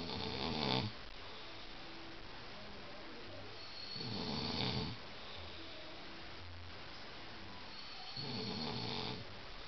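Three loud, rough snores on the in-breath, about four seconds apart, with quiet room noise between them: snoring.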